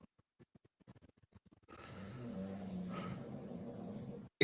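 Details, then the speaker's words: Loud rough rumbling snores with a low fluttering buzz from a sleeping 10-month-old English bulldog, heard in the background: dog snoring. "you hear loki snoring in the background yeah that he's literally right down here for those who don't know we got a like we got two english bulldogs saying one of them is uh snoring his behind off he's only about 10 months old now"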